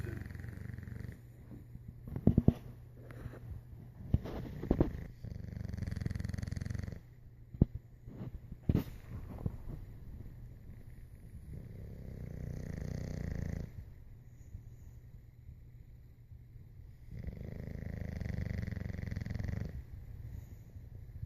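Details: A sleeping bulldog snores with low, rumbling breaths about every six seconds, roughly ten a minute.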